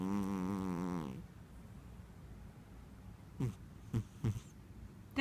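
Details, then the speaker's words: Persian cat snoring while asleep: one wavering, nasal snore, then quiet breathing with a few short snuffling snorts. "you're snoring. Oh, I finally have proof."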